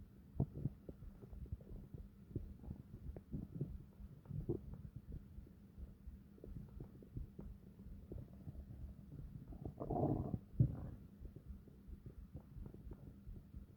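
Low, irregular rumbling with a louder gurgling growl near the end: ordinary stomach growling from gas and fluid moving through the bowel.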